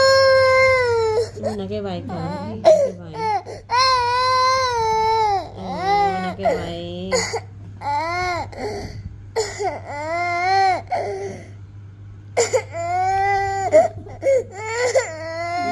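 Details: Infant crying in loud, rising and falling wails with short catches of breath between them, while adults talk quietly nearby; an ordinary infant cry.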